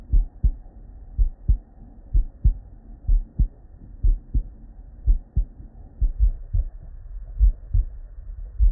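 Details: Real, unedited bedside auscultation of a human heart with normal cardiac physiology: regular lub-dub pairs at about 60 a minute, crisp S1 and S2 without murmur or extra sounds, normal heart sounds.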